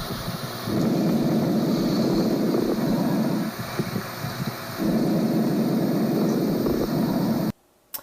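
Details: Fine crackles: faint, brief popping crackles between noisy breath sounds heard through a stethoscope, likened to a balloon trying to inflate, very subtle, arising in the alveoli; teaching recording from a chest examination lesson.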